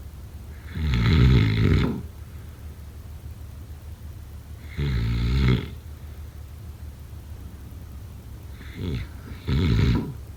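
Loud, deep, rattling snores about every four seconds, roughly 14 per minute, with quiet pauses between; heavy snoring.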